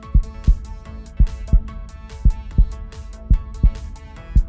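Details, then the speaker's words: Simulated heartbeat heard through a stethoscope in a children's educational show: steady paired thumps at about 57/min over background music. "it's a stethoscope yeah you put this on your body and then you can hear your heartbeat"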